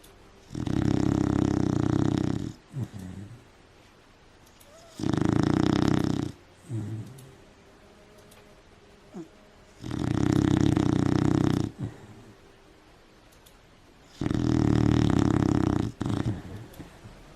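Loud, long, rumbling snores from a sleeping dog, each lasting about two seconds, roughly every 4.5 seconds, with small snorts between.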